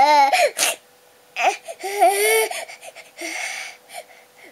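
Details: Short, high-pitched wailing bursts with gasping breaths from a 2-year-4-month-old girl on a day of frequent crying after waking early; cause unknown, parents guess teething, a nightmare or cold.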